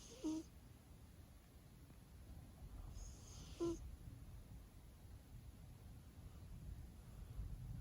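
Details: A sleeping cat snoring during a nap, possibly dreaming: two short, squeaky whistling sounds a few seconds apart over a soft, low breathing rumble.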